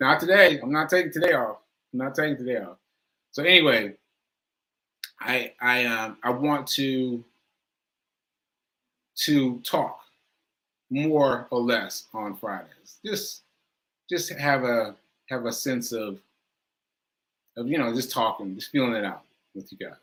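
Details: Speaker who says aphasia is affecting him today and that he lost track of his point; speech shows word repetitions. Aphasia.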